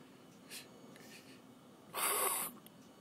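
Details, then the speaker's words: Later-stage fluid overload with fluid filling the lower lobes: the inspiratory phase is clear and crackles are heard only on exhalation (expiratory crackles). "more of the inspiratory crackles disappear until the whole inspiratory phase is clear and crackles are only heard upon exhalation"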